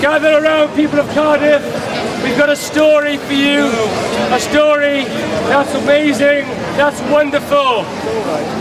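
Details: Adult man addressing a crowd outdoors; fluent speech.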